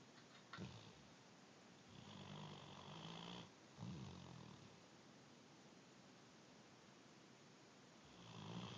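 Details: Great Dane snoring while napping: low rattling snores with each breath, one after another, over quiet room noise; ordinary snoring in a sleeping dog.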